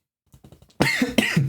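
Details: Adult who sounds sick and keeps clearing the throat while talking: a few soft throat-clearing sounds, then two loud harsh coughs.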